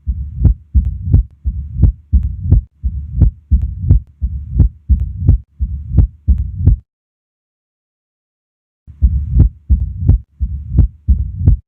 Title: MITRAL STENOSIS - APEX | HEART SOUNDS | AUSCULTATION | MURMUR